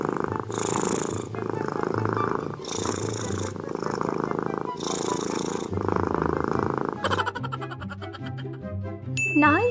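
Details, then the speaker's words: Cat snoring loudly at 3 a.m., likened to a cow, keeping the household awake; its nose was blocked. "để mẹ đuổi ra khỏi nhà vì 3 giờ sáng mà ngáy to như bò không cho ai ngủ"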